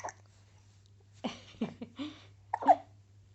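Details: Several short, abrupt voiced catches in quick succession over a steady low hum: hiccups in a baby girl who woke about half an hour after being fed milk and put to sleep.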